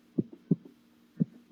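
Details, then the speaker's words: Clean lub-dub heartbeats, heard on the left chest with a stethoscope, with low thumps, clear gaps and no whooshing, from the closing heart valves: normal heart sounds. "that is a normal sound of the heart that we can hear"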